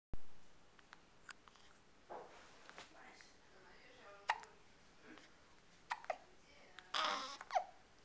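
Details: A person has hiccups: several short, abrupt gulping catches in a quiet room, with some babbling and a little laughter.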